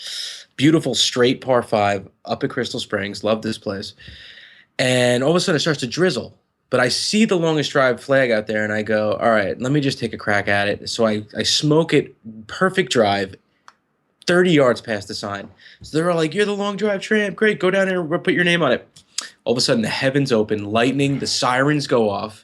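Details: Adult male speaker; normal voice.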